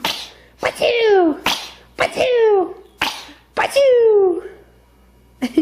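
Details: Four quick sneezes from a baby, each a sharp burst followed by a high, falling squeal, with an adult saying bless you; ordinary infant sneezing.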